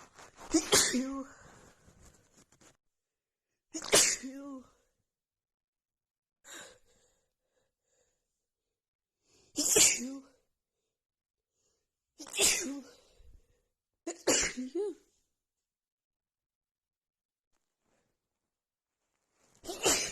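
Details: Female with a cold and blocked nose, after sniffing a tiny bit of black pepper: about seven forceful sneezes over twenty seconds with silent pauses, a rapid sneezing fit.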